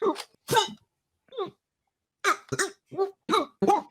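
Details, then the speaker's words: Hiccups during a podcast recording: repeated short, abrupt vocal bursts with a gasping quality, about eight in four seconds. "oh hiccup again"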